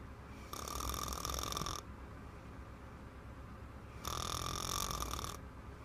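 Two loud, rough, rattling snores on breathing in, about a second long each, separated by quiet breathing out. Heavy snoring.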